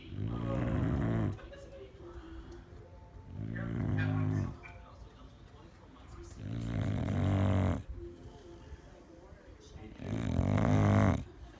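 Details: Dog (Scooby) snoring loudly: deep rattling snores with quieter breaths between, about 20 a minute; snoring.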